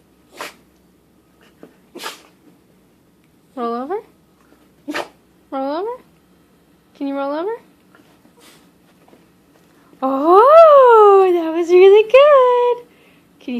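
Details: Dog giving several short sharp sneezes mixed with whines and yips, then a longer whine; sneezing.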